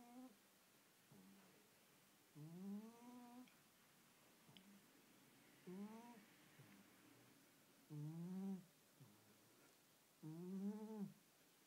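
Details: Snoring in a sleeping cat: soft, rhythmic nasal snores with a slight whistling, squeaky tone, about 24 a minute, in a quiet room.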